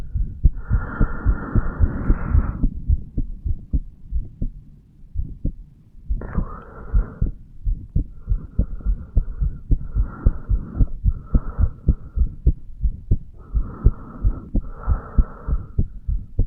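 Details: Normal heart sounds from a 35-year-old male, recorded at the mitral (bicuspid) valve area: steady, regular lub-dub with intermittent soft whooshing of blood flow.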